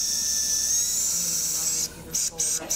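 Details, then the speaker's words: Surgical drill whining with brief stops and restarts, drilling dorsal to plantar through both cortices of the metatarsal during a toe unfusion, converting a painful fusion or non-union to hemiarthroplasty. "I want to create a little bit of a hole from dorsal to plantar. And so first cortex, second cortex, and we're in."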